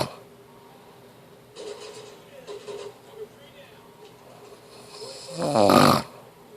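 A few rough breathing noises, then one loud snorting snore, in a quiet room: an adult snoring in sleep.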